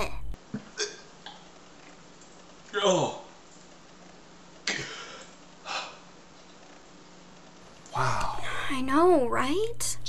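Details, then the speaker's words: Adult imitating a boyfriend's habitual throat clearing in a comedy skit: several short, rough throat bursts ending in a wavering, drawn-out vocal sound. "like a cry for help to me a cry for help yeah it sounds like this whole throat clearing thing is uh you know an assertion of his dominance"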